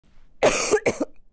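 Two harsh, noisy adult coughs in quick succession, the first longer than the second.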